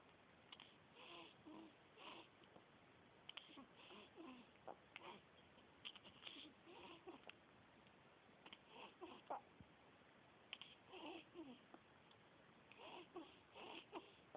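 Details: Hiccups in a 10-day-old baby girl after a feed: repeated brief, abrupt breath catches over about fourteen seconds with soft breathy sounds between.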